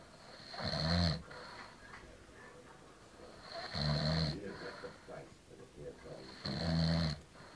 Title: SNORING HELL!